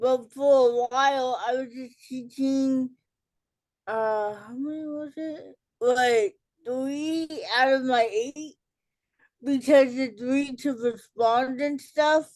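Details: Adult woman with cerebral palsy, speech delay in childhood treated with intervention, self-described as talking differently and possibly hard to understand; dysarthria in cerebral palsy.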